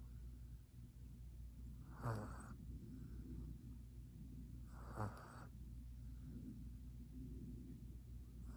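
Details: F2 Savannah cat in a deep sleep, twitching, with two soft, brief snuffling snores a few seconds apart over steady room hum; light snoring.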